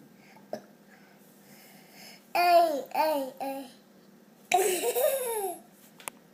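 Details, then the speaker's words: Young child laughing: short voiced laugh-like bursts broken by sharp hiccup catches between them; a hiccup laugh. "You have hiccups too? Again?"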